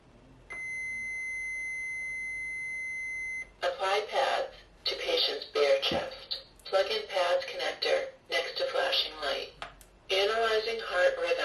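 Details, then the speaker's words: Simulated AED trainer scenario for CPR instruction: steady electronic tone then recorded voice prompts to apply pads, analyzing rhythm, do not touch patient, shock advised, charging, deliver shock via orange button, shock delivered, begin CPR. "do not touch the patient shock advised charging stay clear of patient deliver shock now press the orange button now shock delivered begin CPR and that's it that's what it's going to sound like"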